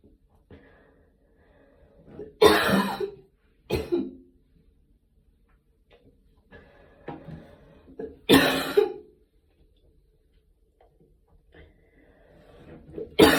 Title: post gym cough this ones actually a few months old, but i didn't have time to post it